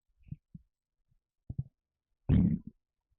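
Low gurgling rumbles in short bursts with a louder longer rumble near the end, typical of stomach rumbling from gas and fluid.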